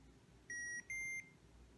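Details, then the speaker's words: Patient activator held over an insertable loop recorder (e.g. Medtronic LINQ) to save an event: two short, clear electronic beeps in a quiet room, then a bright light showing the heart rhythm recording was saved. "it does that beep beep and then the bright light comes on telling you that it has recorded"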